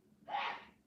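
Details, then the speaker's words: A single distant sneeze from an adult woman about four rooms away: one brief, breathy burst of air rising then fading over under a second: sneeze. "hang on listen to my girlfriend sneeze can you guys hear that"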